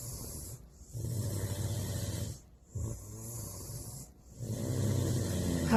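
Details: Boyfriend snoring: three low, rumbling snores in steady succession, each about one and a half seconds long, separated by brief pauses; ordinary snoring.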